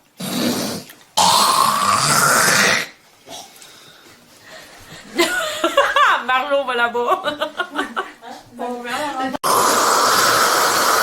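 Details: Female throat clearing (hawking) and spitting into a cup, from a compilation tagged smoking: harsh, noisy bursts hawking up phlegm, separated by talk or laughter.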